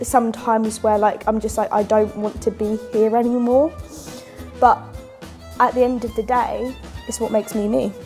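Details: Person who stammers; stammering.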